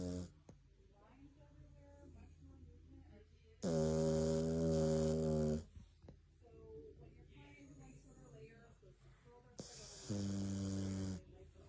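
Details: Jack Russell terrier that fell asleep, possibly very tired, snoring: two loud, buzzy, rattling snores separated by quieter breathing in a small room.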